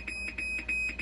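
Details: Dialysis machine low water pressure alarm: rapid repeating high electronic beeps, about five per second, from low pressure in the RO water treatment supply (reading below 10 psi instead of the needed 20 psi).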